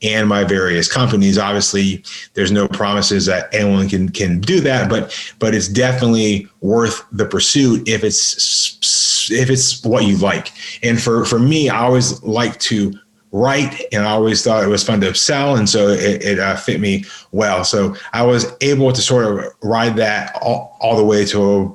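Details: Adult man with a lifelong severe stutter, worked on intensively, including 12 or 13 days of practice at a speech school, speaking in a podcast conversation: stuttering.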